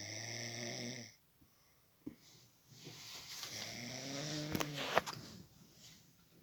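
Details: A buzzy, vibrating snore, then a pause and a second noisy breath ending in a rattling, rising snore: snoring.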